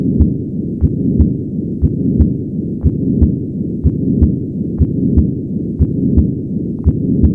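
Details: Patent ductus arteriosus heard at the 2nd left intercostal space: heartbeat about 60 a minute with a constant rumbling continuous machinery murmur running through both heart sounds.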